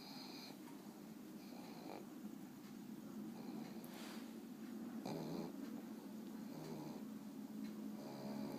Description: Monster the pug snoring with his eye open. He's getting sleepy and is bound to knock out any moment now.